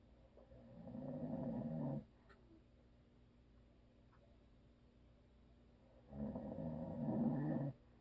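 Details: Two long, low, fluttering snores with a quiet pause between, over faint room hum, from a sleeping husband who habitually snores; audio only.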